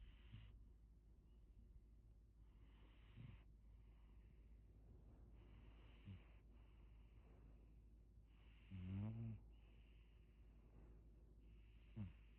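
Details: Male partner asleep, snoring loudly: soft breaths about every three seconds with one louder rattling snore over quiet room hum.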